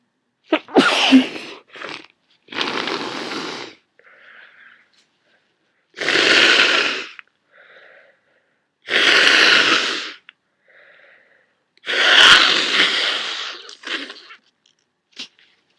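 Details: Adult with a worsening head cold, feeling awful: five loud explosive sneezes, each followed by a brief sniff, in about fifteen seconds; repeated sneezing.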